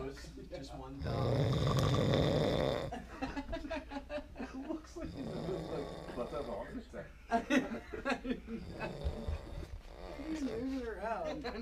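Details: A sleeping man snores after taking Seroquel and eating chicken wings: loud, harsh, rattling snores, with people talking and laughing nearby; heavy snoring.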